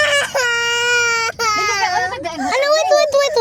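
Loud, high-pitched wailing cry with sustained tonal bursts and brief catches for breath, typical of a crying baby.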